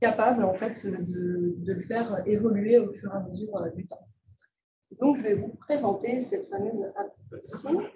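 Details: Ventricular band voice in a 68-year-old man with bilateral vocal fold immobility whose true fold vibration could not be restored; false-fold voice trained over five speech-therapy sessions using only a beatbox app, replacing an initially very breathy voice.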